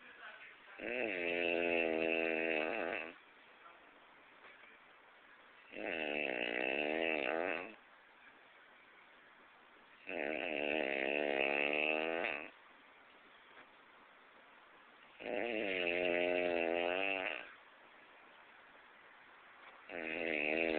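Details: Haitian person snoring: loud, regular, tonal snores about every five seconds, roughly 12 a minute, each lasting two seconds with quiet gaps.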